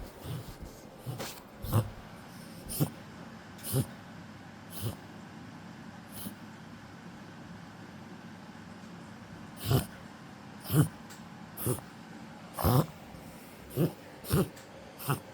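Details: A dog coughing: a series of short, sharp coughs in irregular bursts with a brief pause midway, in a dog described as not getting well; cough.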